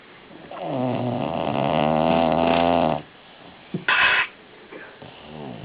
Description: Female bulldog snorig loudly